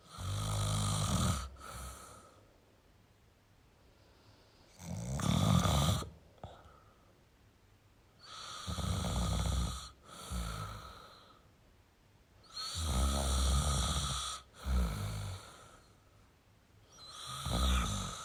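Loud, rough snoring on the in-breaths with quiet gaps between, about 15 breaths a minute, somewhat irregular.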